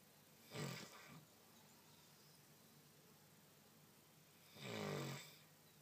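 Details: A female dog asleep in the sunshine, with two slow, rumbling snores about four seconds apart in a quiet room: snoring in a sleeping dog.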